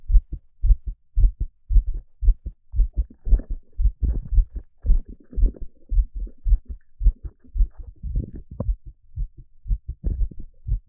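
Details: Steady paired lub-dub thumps at roughly 110 beats a minute, with brief patches of soft rustling: normal heartbeat.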